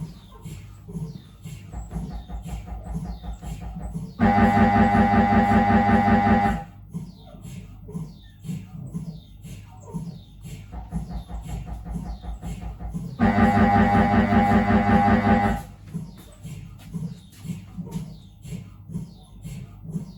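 Loud rhythmic knocking from an MRI scanner, with stretches of steady buzzing tone in between. Normal scanner noise during a head scan.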